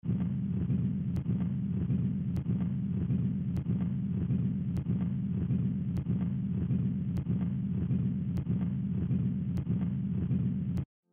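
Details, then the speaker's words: Continuous low rumbling machinery murmur running without pause through systole and diastole, the whole cardiac cycle: patent ductus arteriosus. "Go thuša go gafela ye go gopola, nagana ka modumo o tšwelago pele wa go duma wo o kitimago botelele ka moka bja modikologo wa pelo."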